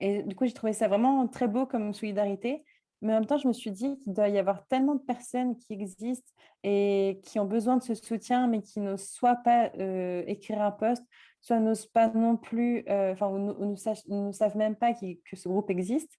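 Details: 24-year-old woman with mild but audible cluttering, a fluency disorder, diagnosed at 18 by a speech therapist specialised in stuttering; cluttering.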